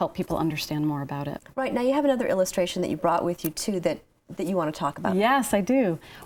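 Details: Adult conversation, mainly one speaker; ordinary conversational speech.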